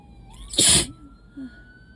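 One forceful, wet-sounding sneeze, with faint background noise; an allergy sneeze.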